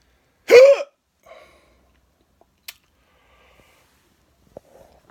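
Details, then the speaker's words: Person who thinks they ate too fast has one loud, abrupt voiced hiccup with a sharp catch, then quieter breaths and small clicks in a quiet room; hiccups. "Uh, well, that didn't work. Got the weirdest hiccups ever."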